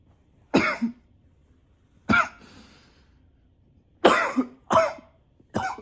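Five harsh cough bursts over about six seconds, some in quick pairs, with quiet pauses between; a repeated, persistent cough.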